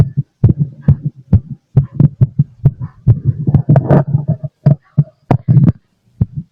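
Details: Loud, deep, forceful heart thumps heard through a stethoscope, about 67 per minute, felt thumping hard after drinking lots of coffee: forceful heartbeat after caffeine.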